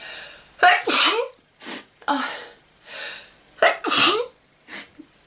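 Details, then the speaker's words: Person with really bad allergies sneezing: two loud, explosive sneezes, each with a sharp in-breath, followed by softer breathy exhales; ordinary allergic sneezing. "I'm going to sneeze. Sorry. I might sneeze. Choo. Excuse me. I have some really bad allergies."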